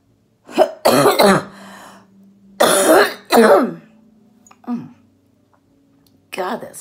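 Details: Productive cough from an adult female orthopedic surgeon recovering at home from COVID-19 infection, voice hoarse and near laryngitis from heavy coughing.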